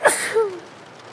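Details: Acted, simulated scenario of a girl with a cold at a rainy bus stop: a single sharp, hissing sneeze with a brief voiced tail, fading into soft rain-like background noise, alongside sniffling and nose blowing.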